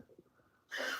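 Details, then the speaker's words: A female who has been coughing up a lot but is otherwise in fairly good health, coughing in the background during a livestream. "Thankfully, because uh you can hear her now coughing, as a matter of fact."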